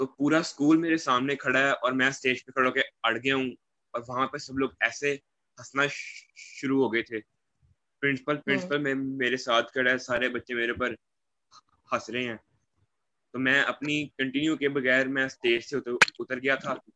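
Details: Young man who stammers, speaking in Hindi/Urdu; stuttering with word repetitions.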